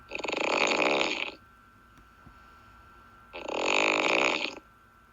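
Two long, rough, buzzing snores about two seconds apart, loud and fluttering, with a faint steady tone in the background.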